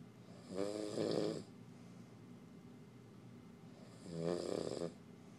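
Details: Two loud rattling inspiratory snores about three and a half seconds apart with quiet breathing between, from a tired sleeping male in the dark; ordinary snoring.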